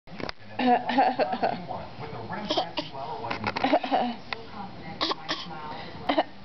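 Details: Young girl's pretend cough in play: several short, forced coughs between bits of voice.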